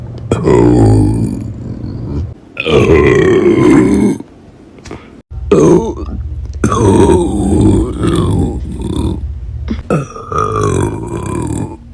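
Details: Loud, long, deep voiced belches, four or five in a row with short pauses between; burping.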